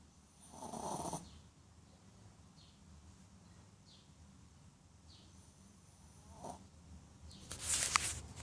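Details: Shih Tzu dog sleeping after a haircut and a pet store visit: soft snoring breaths with a couple of louder snorting breaths over a quiet background; snoring.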